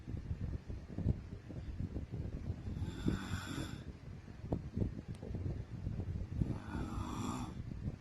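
Two rasping snores on inhalation over quiet room noise, with soft breathing between; ordinary snoring during sleep.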